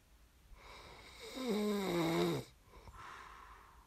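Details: ASMR snoring recording made for listening to fall asleep: one long inspiratory snore with a buzzing, tonal quality and gliding pitch, then a softer breath out; snoring during sleep.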